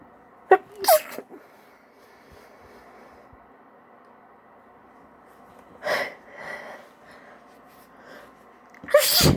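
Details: Female stifling her sneezes, producing multiples: about four short, muffled bursts with quiet room noise between; stifled sneezes.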